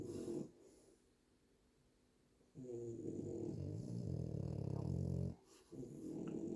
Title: French Bulldog...loudest snoring EVER